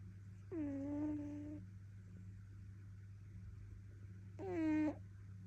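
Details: Snoring from a sleeping British Shorthair cat: two loud, drawn-out humming breath sounds about four seconds apart over a steady background hum.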